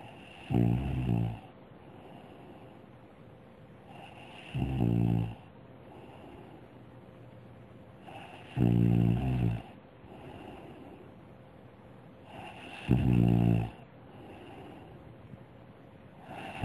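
Regular low, rumbling snores about every four seconds, roughly 15 a minute, with soft breathing between them in a quiet room.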